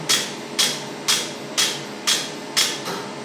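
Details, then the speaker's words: First-ever laser hair removal session with a green-light device: sharp hissing zaps about twice a second, roughly 120 a minute, as the handpiece fires; the patient calls it a cold tickling sensation, tolerable. "Yeah, it's like a cold tickling sensation. It's not bad."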